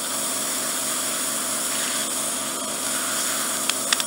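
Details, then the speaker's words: Ear microsuction of the right ear in an adult male client with bilateral impacted ear wax, reduced hearing and a painful right ear, drawing out oil after softening drops; suspected swimmer's ear with bony protrusions: steady loud hissing suction roar with brief crackles. "So I'm just going to suck some oil out first. Just around the hair so we can smear the camera."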